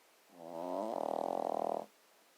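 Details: A single drawn-out breath from a dog with a fluttering, vibrating rattle in its second half; snoring.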